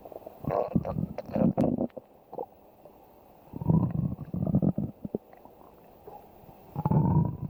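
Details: Stomach growling (borborygmi).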